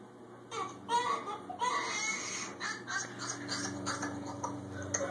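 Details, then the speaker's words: Short bursts of high, wavering infant crying with faint background room noise; a baby crying heard by Ella. "What's that? Ella? Who's that? That crying baby?"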